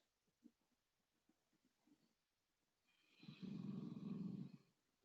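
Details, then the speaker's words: Gentle snores of sleeping dogs: soft irregular snuffling in a quiet room, then one long, low rumbling snore. "here i don't know if you guys can hear the gentle snores of ollie and bruiser over here but it's so loud in my ear"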